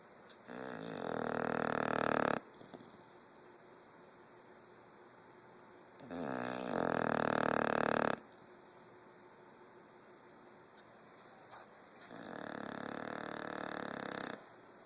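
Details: Sleeping dog snoring: three long, rumbling, rattly snores about every six seconds with quiet pauses between; snoring.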